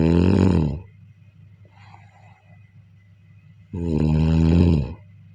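Two loud, low, rattling snores separated by a quiet pause of about three seconds. Ordinary snoring during sleep.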